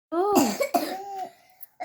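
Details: Cough during a household illness in which everyone has fever and cough.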